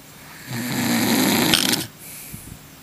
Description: I love my husband dearly but he snores. I got even with him by filming him lol.